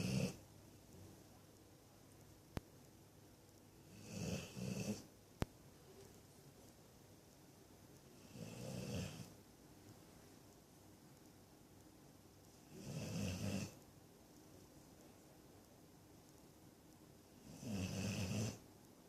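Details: Snoring during sleep: soft, regular snores about every four to five seconds, roughly 13 breaths a minute, in a quiet room.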